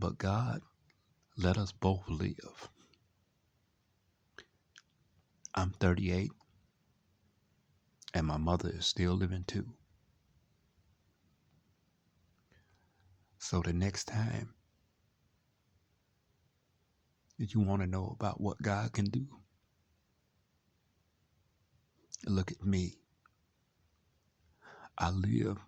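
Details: Adult man with cerebral palsy from lack of oxygen and very premature birth at about 28 weeks, speaking in his own words; no specific speech disorder is named, possible dysarthria.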